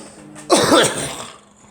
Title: Me coughing and girl coughing and spitting